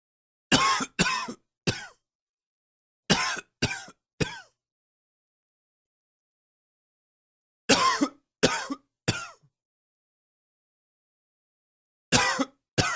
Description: A little more allergy coughing...I love when you comment...also like and share.